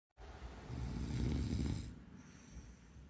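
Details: Female Shih Tzu snoring loudly while napping: a single long, low, rumbling snore on the in-breath with a faint hiss trailing off; snoring.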